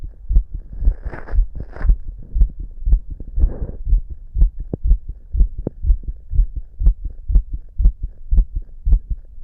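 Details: The person auscultates their own visibly fast heartbeat at different spots with a stethoscope. Rapid, regular heart sounds at about 120 per minute come with some scraping noise: tachycardia.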